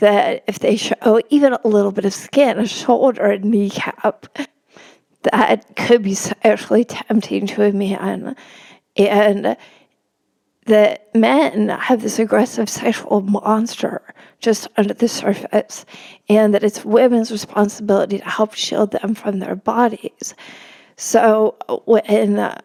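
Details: Spasmodic dysphonia in an adult woman; real condition, disclosed beforehand, noting it may make her sound nervous though she is not.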